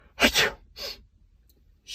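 A loud explosive sneeze with a double burst, followed by a softer exhaled breath; an ordinary sneeze.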